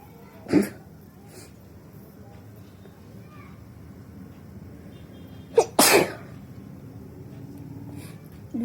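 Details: A small sneeze, then a forceful sneeze with a sharp intake before it, in a quiet room with faint background sounds: a woman sneezing deliberately, with a handkerchief.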